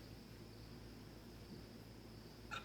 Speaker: see okay so i'm hiccuping so now i will cure them